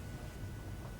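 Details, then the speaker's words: Fisher & Paykel Airvo 2 high-flow humidifier being set up for tracheostomy humidity, starting after its self-check; steady low blower-motor rumble with a faint thin whine; humidifier blower motor running. "as long as we're okay there we get the swirling lights and the unit will start up you'll hear the blower motor start to go um it'll start to heat up at that point at whatever the last settings were that were put into the"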